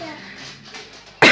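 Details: Adult woman with a lingering cough and changed voice since the flu: quiet room with faint background voices, then one sudden loud, harsh cough burst at the end.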